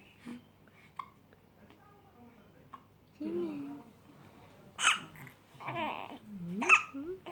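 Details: Baby hiccups: brief, soft hiccup jerks at irregular intervals, mixed with baby vocal sounds and adult voices in the room; ordinary infant hiccups.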